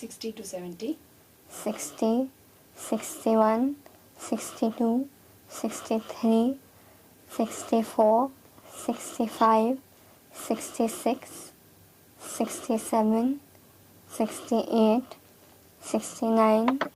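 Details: Person with cleft counting 60–69; articulatory placement is correct, with clear nasal air escape (nasal air emission).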